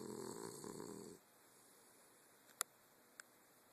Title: Leo the dog snores